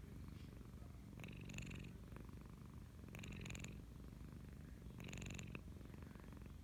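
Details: Snoring from Saki, a flat-faced (brachycephalic) female cat, recorded in 2019 while lying on a bed being petted, eyes and mouth half open: steady low purring with rasping, snorty breaths about every two seconds.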